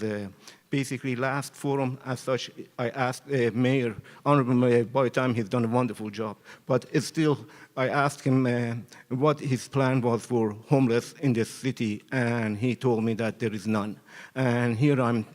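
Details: Adult man speaking; Normal adult male speech.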